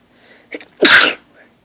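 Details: Just woke up and lying in bed: a quick intake of breath, then one explosive, hissing sneeze through nose and mouth, part of a sneezing fit that grew progressively stronger.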